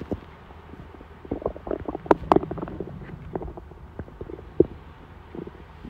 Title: my hungry tummy rumbling before dinner